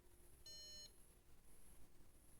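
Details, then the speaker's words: A single steady electronic beep of about half a second from a MyoSmart bruxism biofeedback alarm, triggered by teeth clenching above a masseter-activity threshold of 230 (electrodes on the masseter, reference at the temple), over quiet room noise. "E se ela passar do limite que é considerada bruxismo no meu caso aqui tá 230 né o valor que o parâmetro ele ele vai apitar e vai vibrar"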